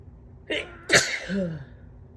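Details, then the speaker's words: Person waking congested with left nostril fully clogged, unsure if cold or morning allergies: a quick in-breath, then one forceful sneeze with a short voiced trailing sound. "i woke up this morning my left nostril was completely clogged so but hopefully those are not the beginnings of a cold sneezes and they are just morning allergy sneezes"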